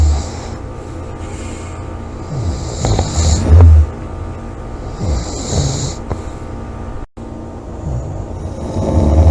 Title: snoring, loud snoring,코골이 July 27 2017